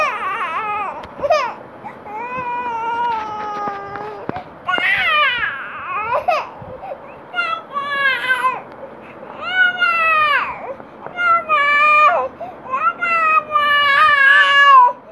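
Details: Baby crying: several bursts of loud, tonal infant crying with rising and falling wails and short pauses for breath; ordinary baby cries.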